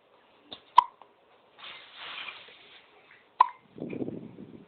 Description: My daughter with the hiccups. Ignore everything else. lol